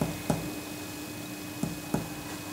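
Three short, dull taps of direct finger percussion over the collarbones, giving a normal resonant note.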